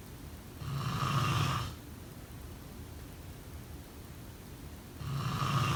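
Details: Snoring during sleep: two loud, rough snoring breaths separated by a quiet pause, with steady background hiss.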